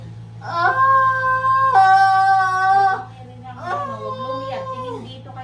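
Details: Strong, sustained crying in long wailing bursts from a newborn baby girl just after a normal vaginal birth, with a steady hum in the background; a vigorous first cry.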